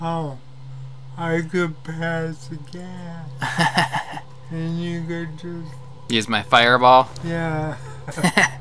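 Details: Adult man, a father with cerebral palsy; dysarthric speech (cerebral palsy).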